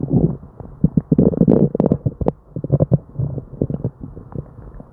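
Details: Hyperactive bowel sounds (borborygmi) from a person with diarrhea and an upset stomach: almost continuous gurgling, bubbling and squelching with frequent loud bursts and barely a pause.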